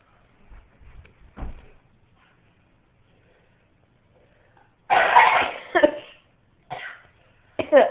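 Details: A young girl lying on the floor gives a few short, loose coughs after some quiet fussing sounds in a small room; a plain child's cough.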